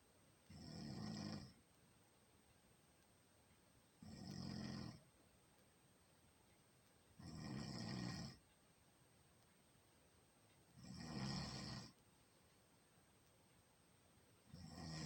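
Steady, regular low rasping snores about every 3.5 seconds (roughly 17 breaths a minute), with quiet pauses between them: ordinary snoring.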